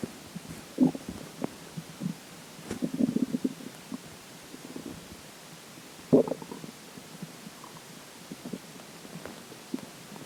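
Soft intermittent gurgles and watery rumbles with quiet gaps between them; ordinary stomach gurgling after drinking water.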